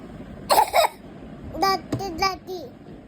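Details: A small boy gives two quick forced coughs, then a short high sing-song vocalization. He is told he has no cough and fakes it, apparently for chocolate or Vicks sweets: a voluntary, feigned cough.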